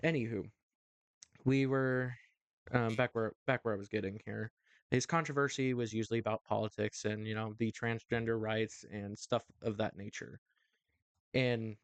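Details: Adult male host with a stuttering issue he says is worse when talking on camera or to someone important, occurring every so often; stuttering.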